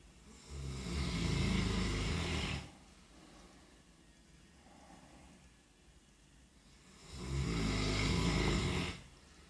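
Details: Sleeping dog snoring: long, low rumbling snores a few seconds apart, with quiet breathing between.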